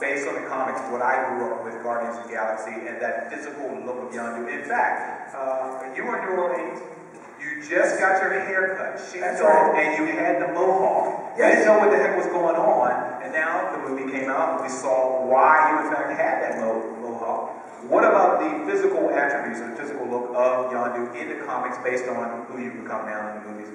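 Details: Adult male speaker; normal voice.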